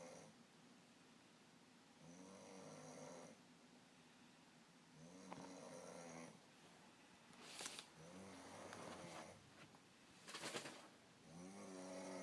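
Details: Man's snoring, recorded by his girlfriend to show it has gotten worse: quiet, rough snores on each breath in, about 20 a minute, with a fluttering buzz. Snoring.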